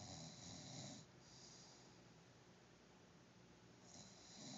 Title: Douche Bag said he never snores!!!